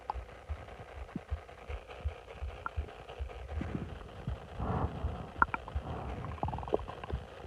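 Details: Stomach growling in a bloated person lying on their stomach: irregular low gurgles and bubbling rumbles with a few brief high squeaky tones over faint background hiss, audible bowel sounds.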